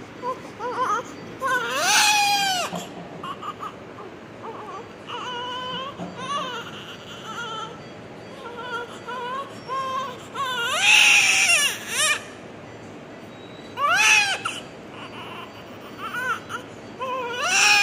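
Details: Repeated strong, high-pitched wailing cries from a newborn just after delivery, with brief pauses between; a normal vigorous newborn cry.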